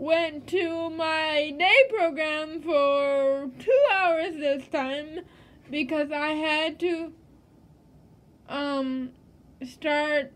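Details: Adult woman living with cerebral palsy, possible dysarthria in cerebral palsy; no speech disorder named.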